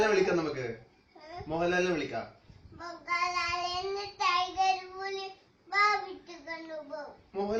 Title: Cute baby cry